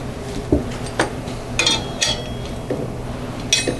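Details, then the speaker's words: Tensioning the last of three fixator wires after attaching a closing half ring on a hexapod circular fixator foot ring, to correct a 60-degree hyper-equinus foot contracture in the operating room; sharp metallic clicks and clinks over room hum. "and then i'll tension the wires i'm tensioning the last of these three wires"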